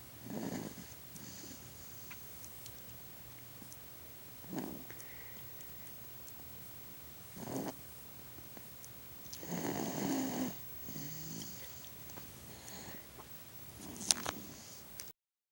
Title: Somebodys snoring